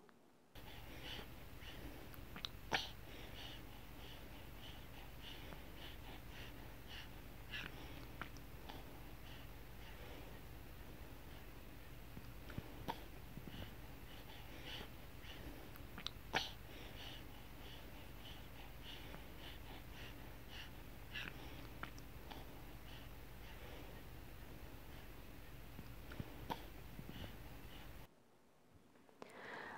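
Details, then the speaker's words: Bottle-fed infant with bottle tilted so the nipple points to the palate and lips flanged out: quiet, soft clicks and swallows over steady room noise, normal comfortable feeding without gulping sounds that signal swallowed air. "이제 아기가 삼키는 소리가 얼마나 편한지 한번 들어 올게요"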